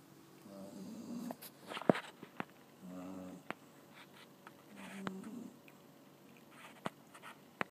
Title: Jake the English Bulldog Puppy Snoring